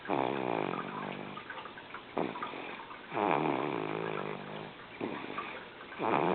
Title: jossie snoring loud